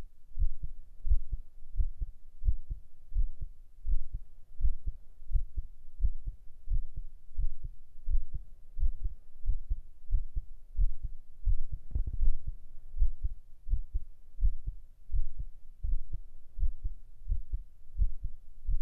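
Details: Steady, regular low heart thumping at about 86 beats per minute, recorded as a binaural ASMR relaxation track; a normal heartbeat.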